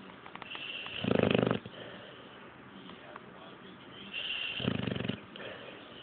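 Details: Snoring: two rough, buzzing snores on breathing in, about three seconds apart, with quieter breathing between.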